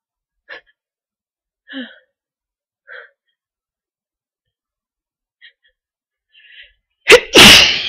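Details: Several faint sniffs and catches building up to one loud explosive sneeze at the end, amid nose blowing; stubborn sneezes.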